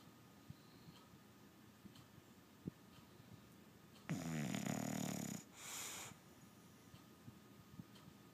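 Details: A sleeping dog: a quiet room, then one loud, rattling snort followed by a short, rushing breath.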